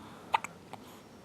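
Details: Two or three brief, sharp hiccups from an infant with the hiccups, snorting, lifting the head and almost rolling over.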